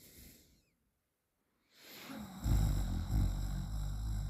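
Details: Pause, then a loud, rough, rattling snore through the open mouth during sleep, while a partner repeatedly held the sleeper's nose shut three times; the sleeper woke the third time; snoring.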